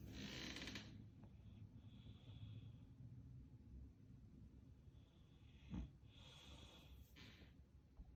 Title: Coughing again 9.17.21